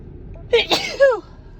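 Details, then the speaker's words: Woman sneezing repeatedly on the drive home, attributed to dust: a single forceful voiced sneeze with a sharp intake and explosive burst, trailing into a brief vocal sound. "Oh my god, I can't stop sneezing."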